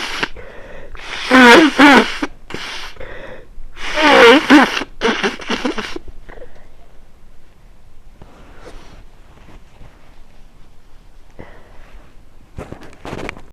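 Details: Someone with a cold: two loud voiced sneezes with sharp inhaled build-ups, then quieter sniffing and rustling.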